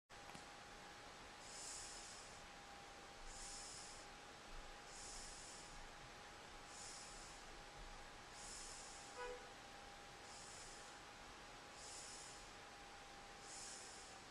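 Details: Light snoring during sleep, recorded with a Flip Video camera: soft, regular breathy noises about every 1.5 seconds over steady background hiss and faint hum.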